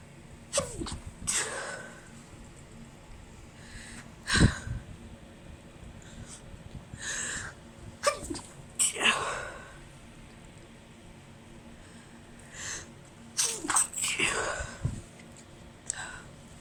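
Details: Female with allergies and an irritated nose, after a small amount of chhikni snuff: a string of about eight sneezes with quick inhalations before them, mostly held back so neighbours wouldn't hear; repeated stifled sneezing.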